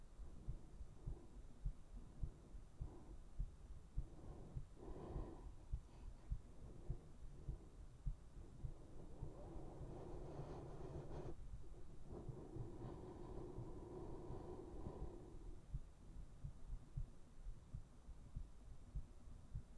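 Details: Soft, steady low thumps at about 100 a minute under muffled breathing noise; normal heart sounds.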